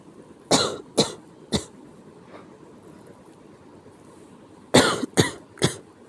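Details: Sick-sounding cough: two clusters of three harsh, abrupt coughs separated by a quiet pause, six coughs in total.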